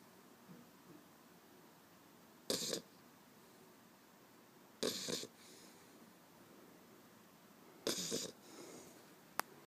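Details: 8-week-old pit bull puppy sleeping on someone's arm and snoring: three short, soft snorting breath noises a few seconds apart over a quiet room background.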